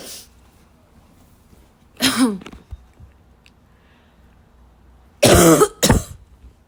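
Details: Dry cough: harsh, dry barking coughs in short bursts with throat clearing, snorts and quiet pauses between them, a barking cough.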